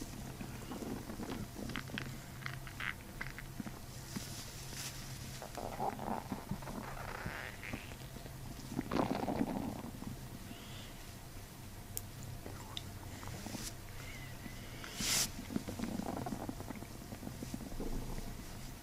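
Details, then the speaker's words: Abdomen during chiropractic diaphragm manipulation with gentle deep belly breathing, microphone near the belly: soft, irregular gurgles and rumbles with scattered brief squeaks over low hum; bowel sounds, gurgling. "Deep breath in. Okay, that's good. Keep going. It's almost there. It's just stuck. Not yet. Hold on. It's almost there. It's right at the end. So, just nice, gentle belly breathing. You should hear it release."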